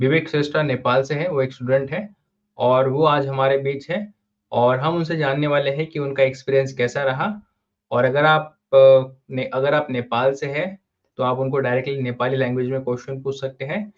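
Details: Adult male speaker; typical speech.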